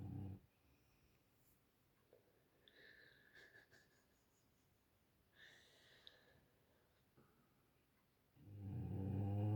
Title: Snoring dogs (sound up!)